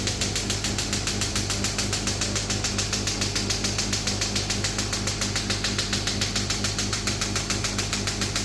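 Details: Demo of a new-model 3rd-gen ballistic-pressure shockwave therapy machine with a second handpiece attached, pressure (bar) lowered, compressor running: steady rapid mechanical knocking, about two to three pulses a second, over compressor drone.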